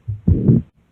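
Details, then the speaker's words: Example of a pericardial friction rub in pericarditis, discussed with rheumatic fever: one heart cycle with a harsh, scratchy grating sound heard between the two heart sounds. "dos sonidos y entre los dos sonidos se alcanza a escuchar ese roce"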